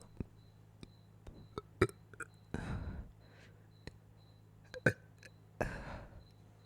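Two soft, low belches with small throat clicks in a quiet room, a steady tone behind; burping after eating.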